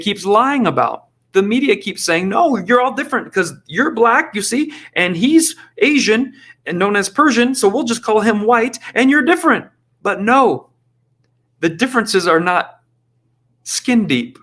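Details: Adult male podcast host; Normal speech.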